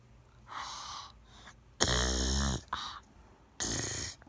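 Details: Young daughter pretending to snore at nap time while awake and refusing to nap: exaggerated snorting snores with breathy pauses, an imitation rather than real sleep snoring.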